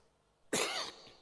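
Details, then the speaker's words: Single harsh cough after a brief intake of breath from an adult pastor who says he has been coughing for two weeks, attributing it to the current heat; cough. "Depuis 2 semaines, à cause de la chaleur, comme notre groupe a pris feu, la chaleur, non pas seulement le groupe, mais à cause de la chaleur actuelle, il y a la toux. Vous m'excusez pour ça?"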